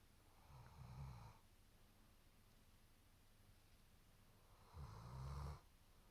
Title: German Shepherd Snoring Loud 📢 😆